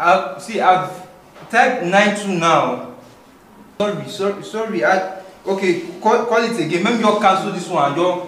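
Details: Adult man, acted scene; typical speech.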